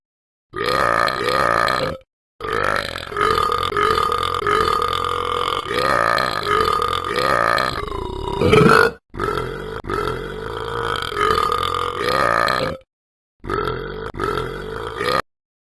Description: Talking Ben does the burping part of the special vid. Watch part 7!